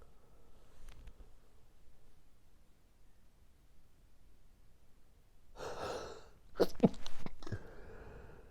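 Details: Morning allergic sneezing fit that happens every morning: a drawn-in breath, then several sneezes in quick succession in a small room; the fit went on about 5 more minutes after recording stopped.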